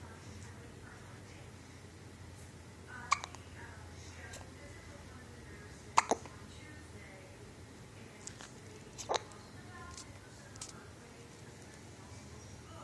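Brief sharp hiccup sounds, about four at irregular intervals, roughly 20 a minute, over a quiet room with faint background sound.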